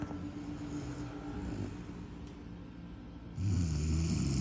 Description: Passed out snoing